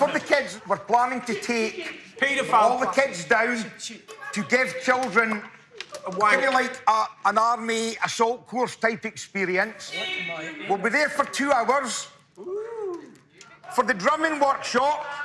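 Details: Adult man with Tourette syndrome since childhood, almost no ability to suppress tics; involuntary obscene or offensive vocal tics interrupt speech; coprolalia (Tourette syndrome vocal tic).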